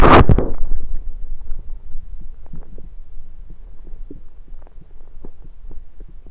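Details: Bowel sounds of a rumbling stomach recorded with a USB stethoscope: a loud thump, then scattered soft gurgles and clicks.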